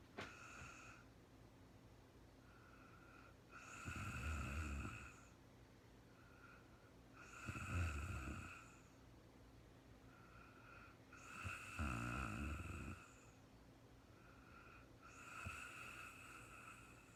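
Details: Real-time recording of a sleeping woman, no talking: regular loud snores, about one every four seconds, rough low rattling on each in-breath with quieter breaths between; snoring during sleep.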